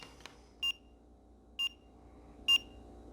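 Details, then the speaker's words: Three short, clear electronic beeps about a second apart in a quiet room from a fingertip pulse oximeter on an adult's finger during baseline vital checks at the start of a 90-day weight-loss program; oxygen reading high 90s (97), normal. "I just turn it on and I just put it on my finger and it just takes a minute. It beeps."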